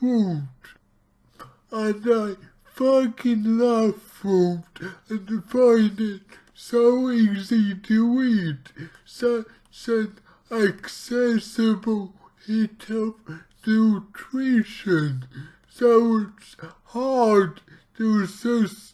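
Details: Dysarthric speech from cerebral palsy in an adult male speaking about his own condition, heavily distorted, about two weeks into trying a keto diet to see its effect on his cerebral palsy.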